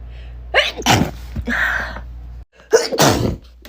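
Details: Repeated forceful sneezes in quick succession, each led by a sharp intake of breath: one of two sneezing fits from a person who can never sneeze just once.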